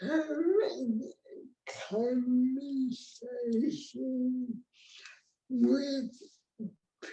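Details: Real speech from an adult woman with cerebral palsy, a condition present since she was born before the ADA; dysarthric speech (cerebral palsy).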